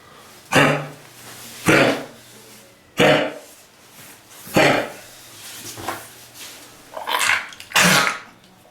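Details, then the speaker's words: Kennel cough in a puppy recently in a shelter, after surgery and vaccines, likely Bordetella exposure with tonsillitis and sore throat: repeated harsh, honking coughs with a retching gag, not vomiting. "he's sick with the kenel cough because his immunities reserves way now and uh it makes them their tonsils go way up they have a tonsillitis sore throat and a terrible"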